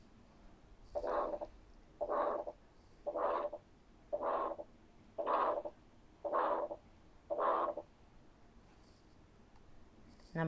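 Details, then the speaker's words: Harsh, rising-then-falling ejection systolic murmur with each beat at about 57 a minute, stethoscope diaphragm at the pulmonary area; pulmonary stenosis. "البلمونري اريا ويز diaphragm ده كان مثال لبلمونري ستينوزس."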